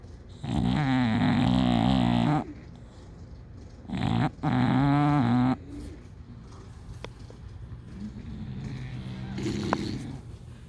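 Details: Loud, drawn-out rattling snores with long quiet gaps between them from two sleeping bulldogs; heavy snoring.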